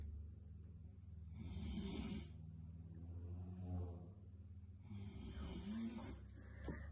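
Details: Loud, rough snoring from a sleeping adult, two snores about three seconds apart in a quiet room at night, keeping another person awake. Snoring.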